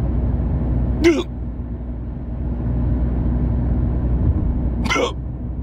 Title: hiccups in car